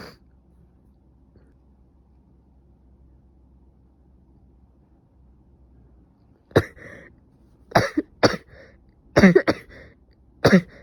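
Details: Person with a suspected cold, with stuffy nose, sneezing, severe headache and fever: after a quiet stretch, five or six short, harsh coughs in quick bursts, some with throat clearing: cough.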